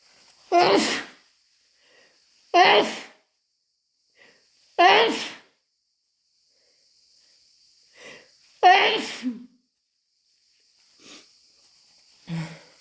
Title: Desperate, wet chhinkni sneezes plus a snotty blow